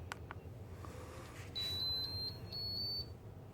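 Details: A few short clicks, then a series of high electronic beeps as a child's G-tube enteral feeding pump is powered on and set up, over low room hum.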